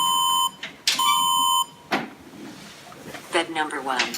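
Two loud electronic beeps, then faint voices in a room; a patient fall-risk alarm sounding in a hospital simulator.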